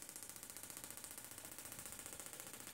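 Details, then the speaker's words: Rapid, even sharp clicking pulses, about fifteen a second, from a Gymna Shockmaster 300 shockwave device (2 bar, 15 Hz, 20 mm head, gel) snaking along the plantar fascia for plantar fasciitis; patient curls toes from treatment pain. "you probably see here the patients curling his toes and moving that's the pain of the treatment it is quite an uncomfortable treatment is this even though"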